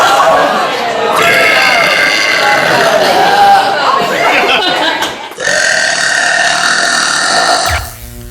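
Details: Woman (Jodie) burping: a long, loud, drawn-out belch followed by a second sustained burp, music in background; prolonged burping.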